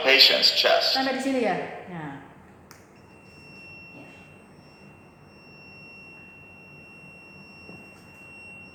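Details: Defibrillator training demonstration in which the device keeps prompting to check electrodes because they are not attached; a short burst of speech, then a steady high-pitched alarm tone; AED electrode alert.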